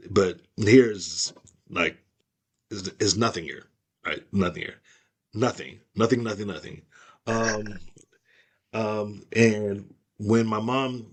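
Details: Aphasia caused by stroke, in an adult woman.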